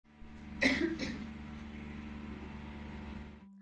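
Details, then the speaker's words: Adult waking in the morning with a painful sore throat gives two short, harsh cough bursts over a steady low hum. "అందరికీ పొద్దున లేవగానే నా గొంతు ఏమో pain గా చాలా ఇబ్బందిగా అనిపించింది"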